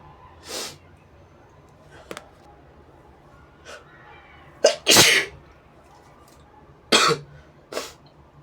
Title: inducing big sneezes with a brush & blowing my nose